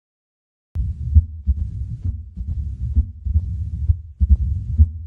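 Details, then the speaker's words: Mitral stenosis murmur: low-pitched diastolic rumble between beats, best heard with stethoscope bell at the cardiac apex; loud S1 and opening snap after S2 expected. "So very characteristic sound for the mitral stenosis murmur. It's a low-pitch, as you heard, diastolic rumble, best heard using the bell of your stethoscope."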